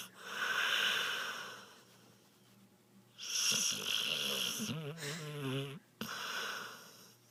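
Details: Dog snoring in owner's arms: loud snoring breaths, the second ending in a high, wavering nasal whistle; snoring with whistling.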